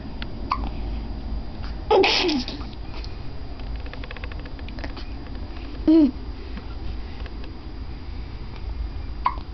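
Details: Two young children both have hiccups: two short, sharp voiced gulping catches about four seconds apart over quiet room noise.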